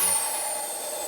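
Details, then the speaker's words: Steady hissing rush of a wall suction regulator turned to its maximum vacuum setting, leak-testing a suction canister, vacuum tubing and Yankauer setup. "nd i'm going to press the vacuum over to um to its max vacuum setting the regulator over to its max vacuum setting and if i don't have a leak anywhere i should see that this lid caves in letting me know that i've got a intact vacuum system"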